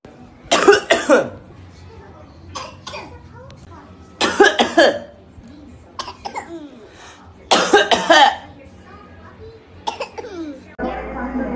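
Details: A young child imitating an older sibling's cough: three harsh bursts of two or three coughs each, with brief child sounds between them.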